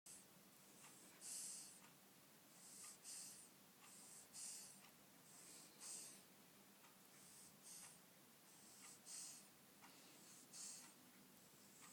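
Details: snoring: Sleeping baby breathing softly and regularly with a hissing, snuffly quality, about 40 breaths a minute; heavy breathing described as light snoring.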